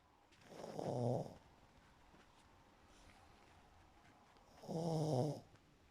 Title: The snore files 1(3)